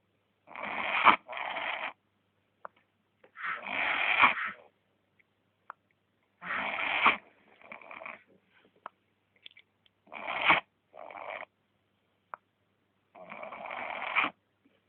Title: Menino ((CACHORRO)) roncando!